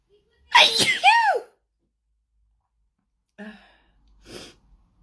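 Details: Paroxysmal sneezing fit, trigger unknown (sometimes perfume, cleaning products or powder): a loud voiced sneeze with a drawn-out cry, then softer sneezing sounds.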